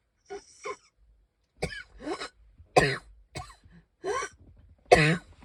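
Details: Cough.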